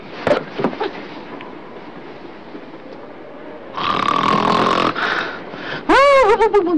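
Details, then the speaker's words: Snoring, presented as a main sign of sleep apnea: the snorer does not get restful sleep. "did you know that the person doing the snoring doesn't get a restful sleep either snoring is one of the main signs of sleepne"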